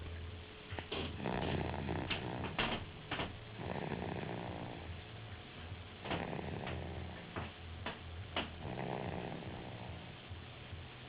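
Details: Soft, rumbling, fluttery snores with irregular breathing and occasional clicks; snoring during sleep by a young girl, real recording.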